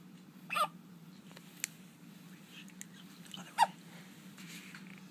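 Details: A dog gives a few brief, sharp hiccup sounds in a quiet room; recurring hiccups.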